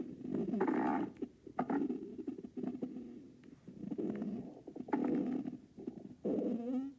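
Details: A dad's stomach growling: long, low gurgling growls rising and falling, ending in a squeaky whine; normal stomach growling.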